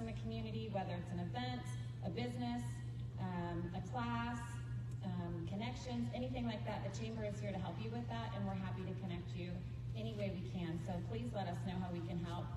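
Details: Adult woman speaking to an audience through a microphone; Normal voice.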